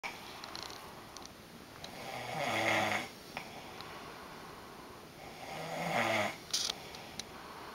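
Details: Adult man snoring through the night in a shared hotel room: two slow, rasping snores about six seconds apart in a quiet room, roughly ten breaths a minute.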